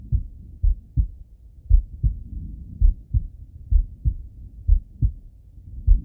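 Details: Normal heart sounds, adult male self-auscultation with stethoscope while falling asleep: steady, clear lub-dub pairs at about 58 beats a minute, no extra sounds.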